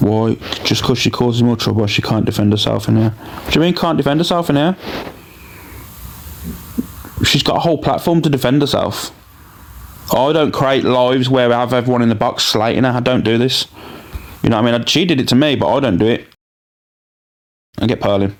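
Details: Adult speakers, likely two in conversation; Normal conversational speech.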